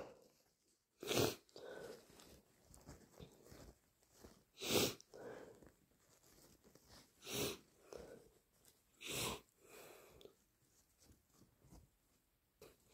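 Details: Deliberately induced morning sneezes from an itchy, slightly stuffy, sensitive nose while recovering from a cold: four forceful sneezes with sniffing between; sneezing.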